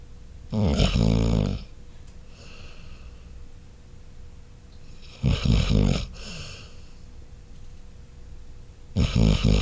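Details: Dog snoring: loud, rough, low snores on each breath in, about every four seconds, near 14 a minute, with quiet pauses between.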